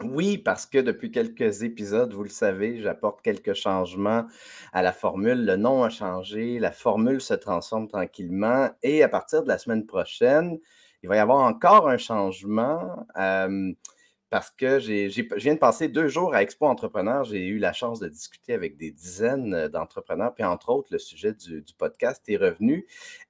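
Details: Adult male speaker; Typical speech.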